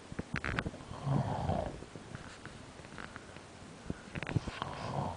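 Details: Snoring during sleep: low rumbling, snorting breaths with a rattling noise over background room noise.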